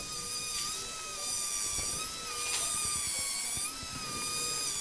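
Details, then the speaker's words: High-speed drill whining, rising and falling as it bites, removing adjoining bone during neurosurgery for a cerebellopontine angle lesion with enlarged internal auditory canal in a 17-year-old boy with hearing loss and gait ataxia. "So I am trying to remove adjoining bone, and also, but this is obviously quite small."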